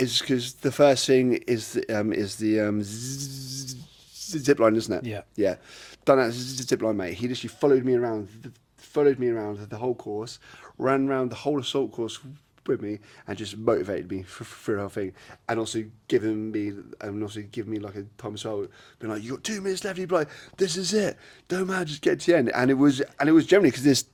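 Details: Adult man with a lifelong stutter; a speech therapist said it will never go away and linked it to brain-to-mouth-muscle signalling and breathing while talking; stuttering.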